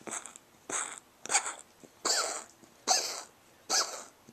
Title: Chloe: COUGHING CAT!